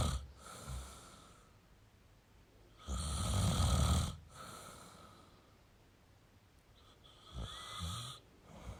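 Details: Male snoring: two loud, rough, rattling inhaled snores with quieter breathing between, ordinary snoring during sleep.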